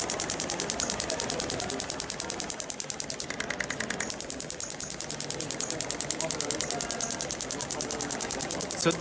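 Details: Radial shockwave therapy (ESWT) with Storz applicators on an uninjured Olympic athlete with a tight thoracic spine and reduced right shoulder range of motion; frequency set to ten, no gel; rapid, sharp, regular clicking pulses; shockwave device pulses.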